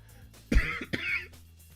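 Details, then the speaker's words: Two short harsh coughs from an adult man who is currently sick, over faint background music or hum. "i'm i'm sick right now so i i can't i'm as you can hear them coughing you know"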